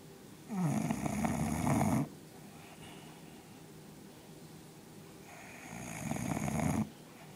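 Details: Sleeping bulldog (Spike) snoring: two long, loud, rattling snores about five seconds apart, with quiet breathing between them.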